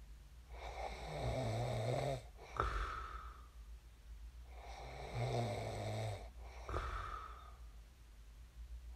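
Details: Person's own sleep snoring, recorded before waking: slow, regular snoring with a rough rattling sound on each breath in and a softer breath out, about 15 breaths a minute.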